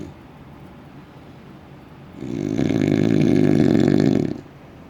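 One long, loud, vibrating snore on an in-breath, fluttering rapidly, heard in a quiet room.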